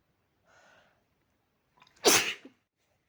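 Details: Loud, violent sneeze from an adult with a cold, sore throat and nose trouble: a soft breath in, then a single loud, explosive sneeze.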